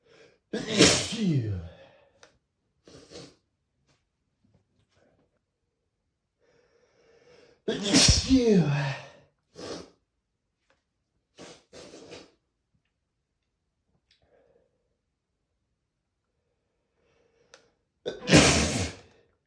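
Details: Male (M) unstifled sneezes, the consequences of not stifling: three loud, explosive sneezes, each with a quick indrawn breath first; ordinary sneezing.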